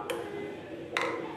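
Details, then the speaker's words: Pulse Doppler heartbeat of a female Central Bearded Dragon, anesthetized on a ventilator during surgery to remove a ruptured eye: two brief swishing pulses over a steady hum. "in the background you hear that sort of swishing noise that's actually her heartbe"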